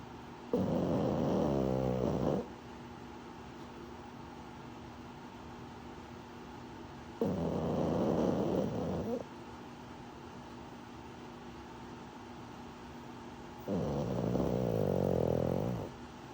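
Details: Pug snoring during REM sleep: three long, loud, rattling snores about six seconds apart, each a coarse fluttering vibration on inhalation, with quiet between.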